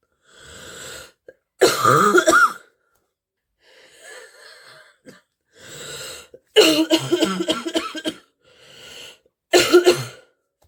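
Repeated harsh, deep coughing fits with congested breaths between them, a barking cough with a cold.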